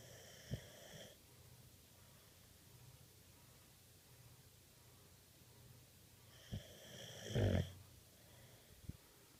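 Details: Snoring during sleep: two snoring breaths with a faint whistling tone, separated by a long quiet pause, in a quiet room.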